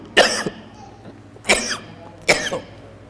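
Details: Cough during a Friday sermon recording.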